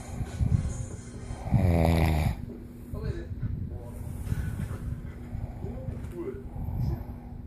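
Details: Father snoring: low rough in-breath snoring, one loud rattling snore among quieter irregular breathing, with steady room hum behind.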